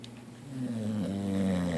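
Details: Snoring after playing in the water: a single low, droning rattle of breath rising in loudness.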